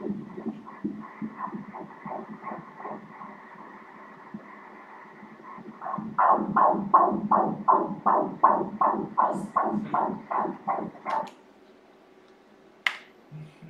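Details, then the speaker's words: Fetal heartbeat on ultrasound Doppler at 15 weeks' gestation: rapid, regular whooshing pulses at about 160 beats a minute, a normal fetal heart rate. "160 nhịp/phút số ra đây nhìn kia, nhịp tim từ đây tới đây, 2 chu kỳ, nhịp tim bình thường 160 nhịp/phút!"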